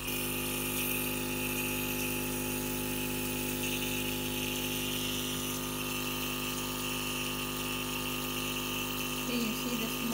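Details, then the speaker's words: Nebulizer compressor running for an asthmatic black cat placed in a box during asthma attacks, treatment lasting about six minutes: steady mechanical hum and hiss running continuously in a small room. "so I'm going to start the nebulizer"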